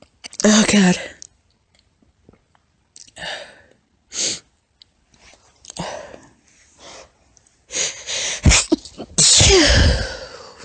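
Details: A female's series of short, stifled, high-pitched squeaky sneezes with quick catching breaths between them, some muffled, in a quiet room: repeated sneezing.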